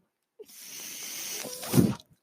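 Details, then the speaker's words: The speaker's own mechanical ventilator, heard during a spoken podcast recording: mechanical ventilator noise. "that noise you hear is my ventilator"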